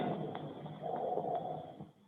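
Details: Normal tracheobronchial breath sounds heard over the upper chest near the trachea in a virtual pulmonology clinical-exam teaching recording, a normal auscultation.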